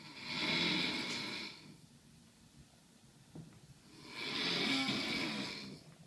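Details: Husband asleep: two long, rough, rattling inhaled snores separated by a quiet pause, in a small quiet room; ordinary snoring.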